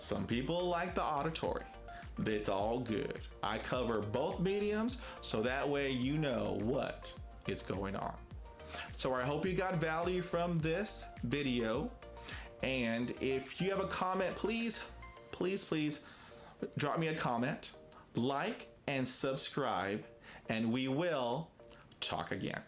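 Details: Adult man who stutters, with many prolongations, blocks, facial tics and effortful speech; stuttering.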